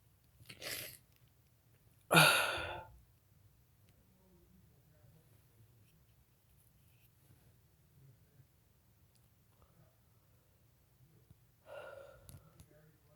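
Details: Person deliberately inducing sneezes, four in the session: a quick inhaled build-up, then a sharp, loud sneeze burst and a softer sneeze-like burst later, in a quiet room; sneezing.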